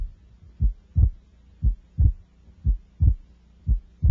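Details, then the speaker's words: Normal adolescent S1 and S2 heard over the second intercostal space: steady, regular lub-dub at about 60 per minute, with S2 made of A2 and P2 that separate more widely during inspiration, a physiologic split. "note that the second sound is composed of two components A2 and P2 separated more widely during inspiration"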